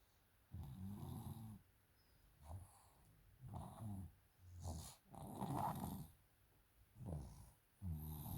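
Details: Sleeping child with a cough but no runny nose or fever; repeated low, rattling snores with each breath in and out in a quiet room: snoring.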